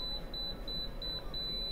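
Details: Apex locator during root canal working length measurement of a distobuccal canal, file reaching the apex (about 19-20 mm): rapid regular high-pitched beeps, about three per second, over low room hum.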